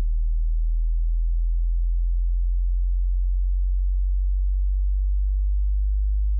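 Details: Tinnitus pitch-matching frequency sweep, to be heard through headphones or speakers in a quiet room: a steady, very low pure hum held unchanged, the lowest step of the sweep.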